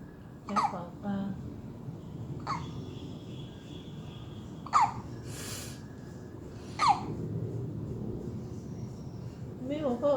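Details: 6-day-old baby hiccuping, face turned red, thought to have swallowed air while feeding: four brief sharp catch sounds over ten seconds, irregularly spaced, with faint room noise; hiccups.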